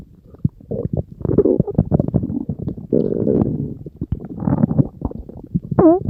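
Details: Stomach growling (borborygmi): bubbling, gurgling belly noises with squeaky rising gurgles at the end.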